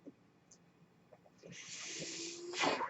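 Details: Speaker's own mechanical ventilator during a spoken podcast: a quiet stretch with faint clicks, then a rising airy hiss of a delivered breath and a louder puff, one ventilator cycle.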